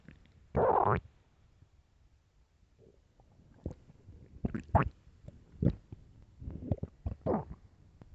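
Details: Very hungry stomach growling and groaning: a loud groan, then a string of gurgles, squelches and low rumbles. Normal hunger-related bowel sounds (borborygmi).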